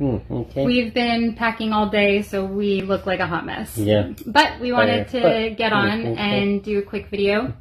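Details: Adult woman speaking; no disorder.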